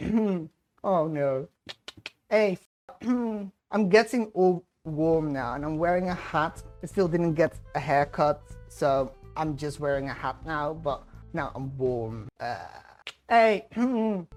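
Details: Person with Tourette's disorder and ADHD, with interjected "hey" vocal tics throughout speech; vocal tics (Tourette syndrome).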